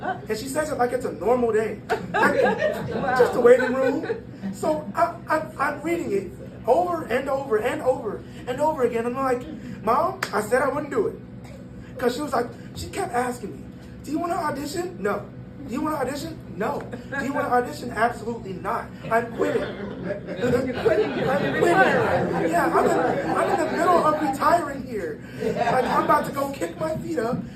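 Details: 22-year-old man born prematurely at about one pound, vocal cords still developing as he grew and still not closing all the way; breathy dysphonia.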